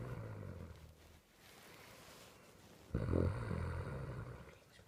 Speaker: Hi guys, we're just recording a video. This is my sister snoring.